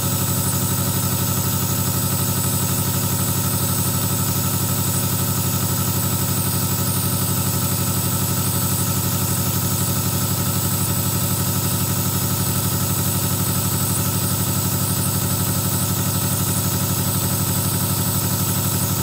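A steady, loud mechanical buzz with rapid even pulsing, the continuous drone of a nebulizer compressor running.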